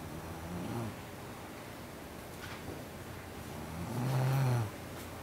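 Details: Snoring from a model who fell asleep while having eyelash extensions applied during a lash exam: low rumbling snores with breaths in a quiet room, loudest near the end.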